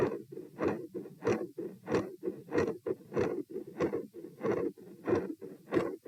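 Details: Heart sounds recorded at position P during an auscultation stress test (lie, sit, stand, bob, stand, lie; 72-90-102-114-90 bpm): regular beats about 92/min with periods of rough continuous machinery murmur and high-pitched clicks.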